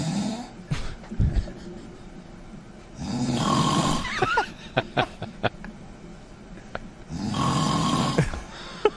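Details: Adult man snoring during sleep. Loud, rough snores about every four seconds, each a long rattling inhaled breath.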